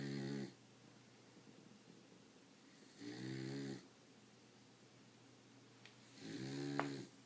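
Three rattling, buzzy snores from a sleeping dog, about 19 a minute, with quiet pauses between them in a small room.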